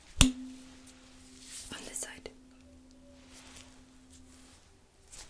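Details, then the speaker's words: Simulated ASMR role-play cranial nerve exam hearing test: a struck tuning fork placed behind the ear on the mastoid bone hums a steady low pure tone for about four seconds, then fades. "so i'm gonna go ahead and create a vibration sound i'll put it behind your ear on your mastered bone please tell me when you don't hear the sound anymore"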